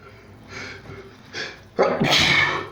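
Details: Quick sharp breaths in, then a loud explosive sneeze, part of a run of non-stop repeated sneezing lasting about four minutes; sneezing fit.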